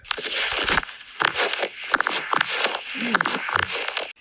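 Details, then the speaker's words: Abnormal knee crepitus, recorded with a sensitive microphone as a patient bends and straightens the knee: coarse crunching like crumpled plastic or dry leaves, a scraping attributed to badly damaged cartilage. "진짜 비닐밥 꾸이는 소리 낙엽 밟는 소리 자이 소리 이런 소리가 왜 나냐는 잘 보이실지 모르겠는데"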